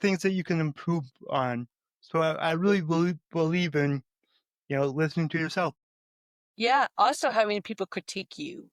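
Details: Stuttering in an adult male podcast host with cerebral palsy and a lifelong speech impediment, who still stutters though less than before.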